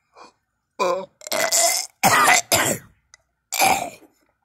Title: me coughing and gagging